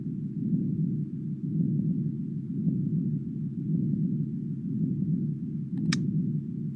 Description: This program can mimic carotid bruits, venous hum, fluttering, rumbling, ear thumping/clicking due to middle ear myoclonus (stapedius and tens